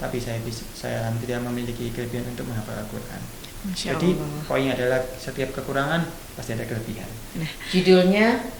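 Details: 24-year-old man with severe bilateral hearing loss from maternal rubella, diagnosed at 8 months; hearing aids from 8 months to age 4, then right-ear cochlear implant since age 4, hears only with right ear; speech of a cochlear implant user.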